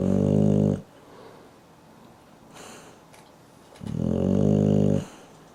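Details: Loud, low, rumbling snores on inspiration, separated by quieter breathing, in a small room, snored into a companion's face; snoring.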